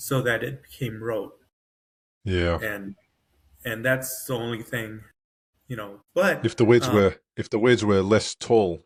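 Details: Adult man with post-stroke aphasia, severe on emerging from a coma and now moderate to mild, with full cognition but difficulty getting words out; aphasia.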